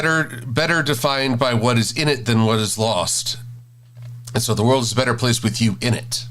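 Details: Adult male speaker; normal speech.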